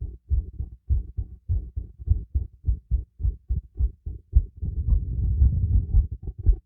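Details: Heartbeat heard through a stethoscope during light workout with breath play: fast, regular paired heart sounds at roughly 110 a minute, breathing noise over later beats; heartbeat quickened by exercise.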